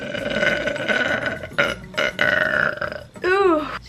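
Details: Adult woman's deep burps from a burping compilation: several long, deep, rumbling belches, the last ending in a voiced tail; ordinary burping.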